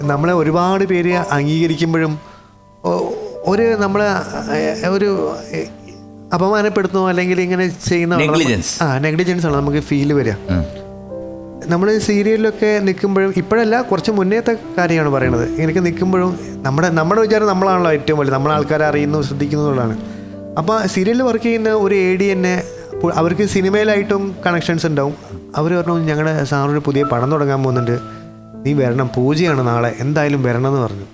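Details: Adult male Malayalam actor with a stutter (vikku), speaking as a guest on a TV talk show; stuttering.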